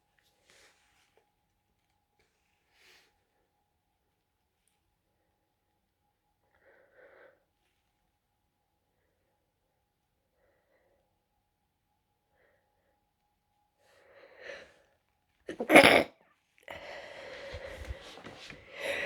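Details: Person with a bad cold and heavy nasal congestion deliberately stifling sneezes to stay quiet: soft sniffs and catching breaths, a muffled held-in sneeze, congested breathing, then a second stifled sneeze.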